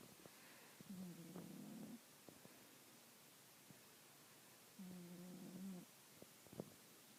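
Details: Sleeping cat snoring: two slow, rumbling snores about four seconds apart, with faint clicks between.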